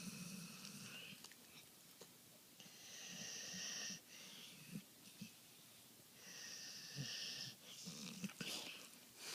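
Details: Golden Retriever asleep, soft snoring with a high whistling tone on the breaths, later sneezing; snoring.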